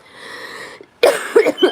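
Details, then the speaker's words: A breath in, then a short cluster of harsh, moist coughs; the speaker has been sick over a week and feels terrible. "And also, excuse me, but I'm sick and I'm going to be drinking my C beverage while I wake up. I I slept until 1:00 because I feel like garbage. And I will be coughing when I go on panel like I went last night."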